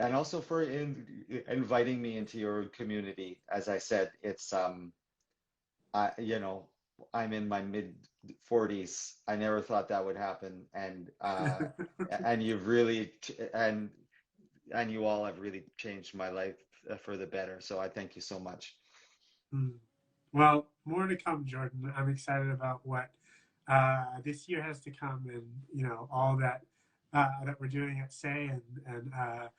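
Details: Adult man who stutters, speaking in a real live conversation for International Stuttering Awareness Day; stuttering.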